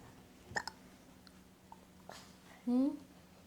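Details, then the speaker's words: Young child giving a few short, sharp hiccups in a quiet room after eating grapes, followed by a brief voiced sound. "You do have the hiccups."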